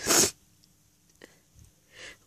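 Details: One sharp, loud sneeze burst, then quiet breathing and a soft exhale, during a requested loud sneezing fit, some sneezes stifled, with flowers as the trigger; nose blowing follows later. Sneeze.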